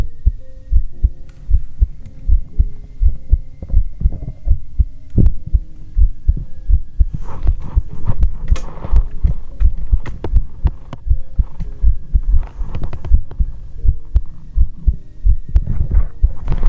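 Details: Heartbeat heard through a stethoscope in an ASMR recording: a steady, low thumping at about 80 beats a minute, with some stethoscope rubbing noise; a normal heartbeat.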